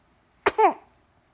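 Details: A baby sneezes while being recorded making cute noises: a single brief, sharp burst with a short voiced tail in a quiet room; sneeze.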